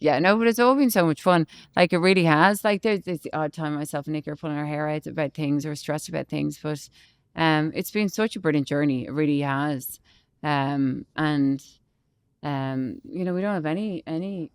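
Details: Adult woman speaking; Normal speech.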